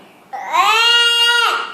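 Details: Infant gives a single sustained, loud, tonal wail, steady in pitch and falling off at the end; typical infant cry.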